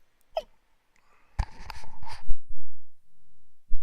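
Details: Adult man making abrupt, sharp gulping sounds during a podcast livestream, apologizing afterward for his hiccups; hiccups.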